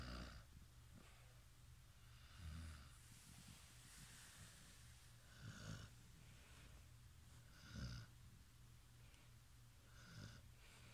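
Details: Snoring in sleep: soft, irregular snuffling snores about every two to three seconds over a low steady background hum.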